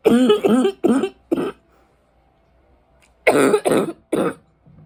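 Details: Deep, harsh, barking chesty coughs in two runs, seven bursts in all, rattling through the chest, from a smoker whose allergies flared in winter; productive-sounding chest cough.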